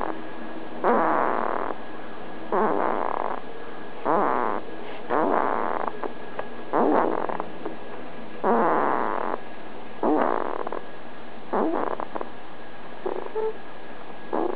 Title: 20080417-165352 baby's snore.wmv